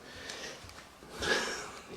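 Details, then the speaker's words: Two soft, airy snoring breaths from a sleeping dog, louder than the quiet fans of an open desktop PC, over faint room and fan noise; snoring. "I mean listen to that probably the only thing you can hear is the dog snoring in the background which is Maxi"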